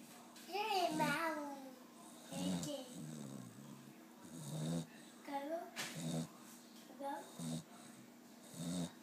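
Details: Boxer dog snoring on the couch: rough snorting breaths mixed with whining, grumbling vocal sounds as it sleeps, over a steady low room hum.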